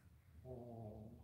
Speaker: I know you can hear lady she's snoring she follows me both of dogs are right here they're sleeping right next to